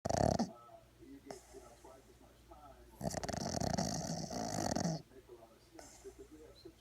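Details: Four-month-old Boston terrier puppy in deep sleep, rough rattling snoring breaths with faint television talk in the background.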